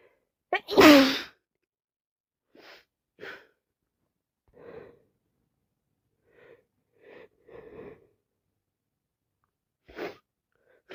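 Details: Person with a head cold, feeling miserable: one loud sneeze after a quick inhalation, then repeated soft sniffs and small breathy sounds; sneezing.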